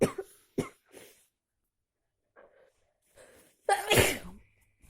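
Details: Three short sharp coughs, a pause with soft breaths, then one louder explosive burst, in a quiet office; attributed to allergies plus a cold.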